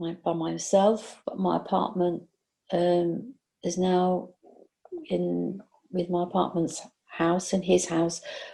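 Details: Post-stroke aphasia in a 62-year-old whose stroke occurred during sleep about 18 months ago, with word-finding and comprehension difficulties; aphasia.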